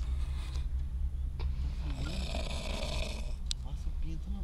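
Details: Person described as heavily drunk or intoxicated, asleep in a car and snoring loudly "like a pig": steady, low, rumbling snore under faint voices and background noise; snoring.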